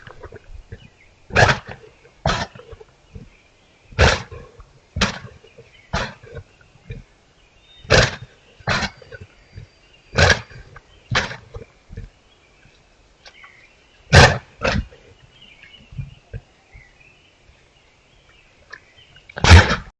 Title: Coughing moose